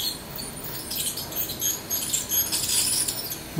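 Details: Dental scaling of an old Shetland Sheepdog with tartar: high-pitched scraping and pattering clicks of the scaler along the teeth.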